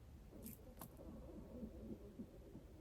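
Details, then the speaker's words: Sudden long stomach rumble out of nowhere, apparently from hunger: low, quiet gurgling with faint burbling tones, borborygmi. "geez Louise my stomach just did the craziest longest freaking Rumble out of nowhere"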